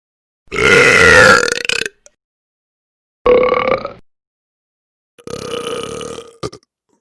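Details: Sound-effect recording of funny burping: three loud, drawn-out belches in a row.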